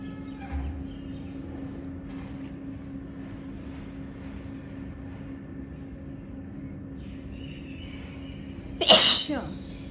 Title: Sneezing And Nose Blowing Challenge Part 18😂😂